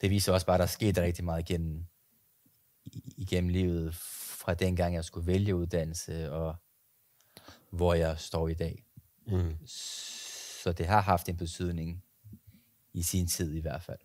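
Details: Adult Danish speaker who stutters; real, unscripted speech; stuttering.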